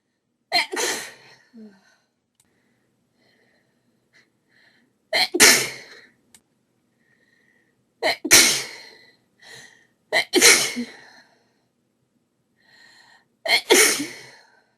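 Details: Five loud, explosive sneezes in quick succession, each with a sharp in-breath before it, from a female during a desperate sneezing fit with a very sneezy nose; audio only.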